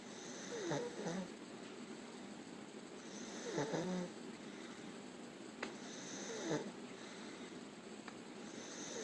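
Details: Person asleep during a 24-hour video EEG done to check for seizures: soft rhythmic snorting breaths, about three in nine seconds, over steady room hiss; snoring.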